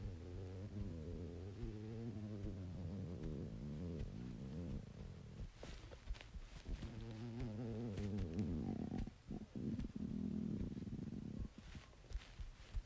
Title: Yoshi Stomach Growl